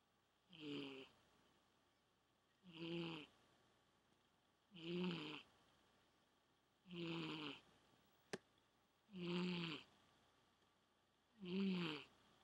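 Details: A sleeping pet cat with regular rattly snores, about 27 a minute, and quiet pauses between; harmless snoring.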